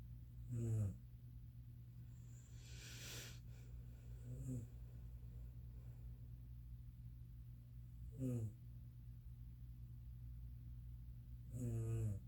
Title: My mom snoring